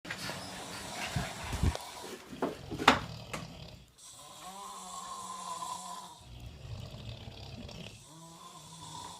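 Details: Irregular rough snorting breaths with a low rumble during sleep; snoring.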